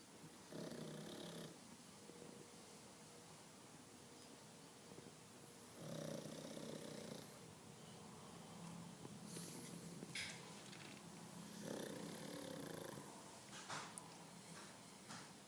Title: Pug snoring